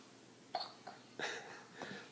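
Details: Children, both with hiccups at the same time: four soft, abrupt catching sounds at irregular short intervals in a quiet room; hiccups.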